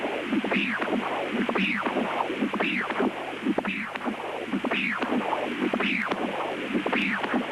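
Rhythmic rising-and-falling whooshes about 55 times a minute, with sharp clicks, from Doppler sampling of normal left ventricular outflow flow below a mechanical aortic valve.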